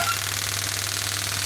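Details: Pneumatic radial extracorporeal shockwave therapy device, up to 10 bar, probe started via its operation button and counting shots: rapid, even rattling taps over a low hum as the probe fires repeated shots.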